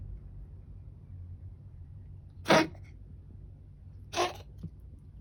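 Two short, explosive bursts of air about two seconds apart against a quiet room hum; a dog's cough.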